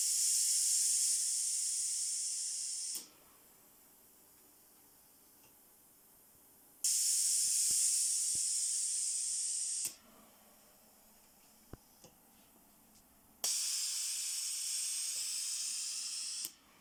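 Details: Low-cost mechanical ventilator prototype for COVID-19 under pressure testing: loud rhythmic hissing bursts of gas flow alternating with quiet pauses as the pneumatic valve cycles about nine times a minute.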